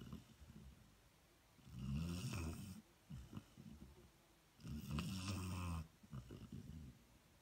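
Deep, loud snores on the in-breaths with softer puffing out-breaths, about 20 breaths a minute; ordinary snoring.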